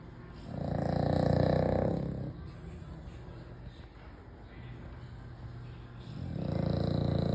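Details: An American Bully dog snoring very loudly in its sleep: two long, rumbling inhaled snores about five seconds apart, with quieter breathing between.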